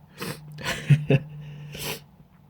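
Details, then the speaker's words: Simulated sneezing during a staged video conference call: a short burst of acted sneezes with sharp explosive releases over a steady background hum. "I'm just gonna have to take a pause here it's a sneeze so try not to keep watching me"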